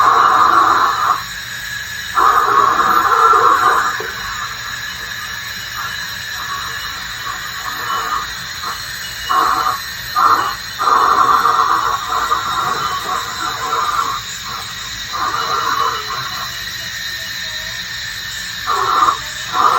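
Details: Ultrasonic scaler used by a dental hygienist to remove tartar and plaque in a teeth cleaning for sensitive teeth: a high, steady whine cutting on and off in short bursts, with water hiss and suction.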